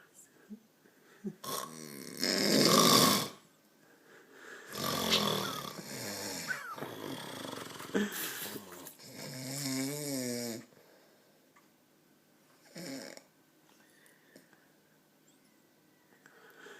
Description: This man denies that he snores